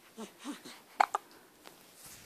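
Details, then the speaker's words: Baby at 10 days old with hiccups: soft infant grunts followed by two short, sharp hiccup sounds in a quiet room. "oh gosh oh poor baby has hiccups oh no oh no"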